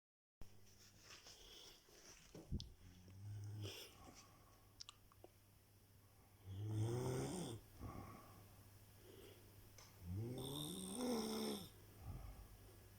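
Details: Snoring during sleep: slow breathing, about 17 breaths a minute, with two rising, whistling snores about four seconds apart and softer breaths between.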